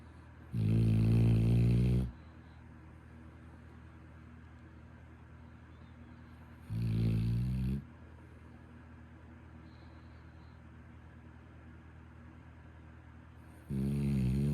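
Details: Labrador dog snoring while asleep: three deep, rumbling snore bursts about every six to seven seconds.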